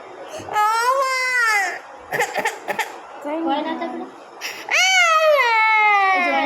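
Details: Baby boy having a blood test; loud, high-pitched crying in long wails with breaks, adult voices in the room.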